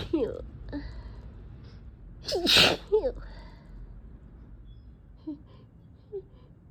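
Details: Single forceful sneeze with a gasping wind-up and soft voiced breaths after, from a person strongly allergic to cats with a tickling nose, sore throat and eyes barely open; allergic sneezing.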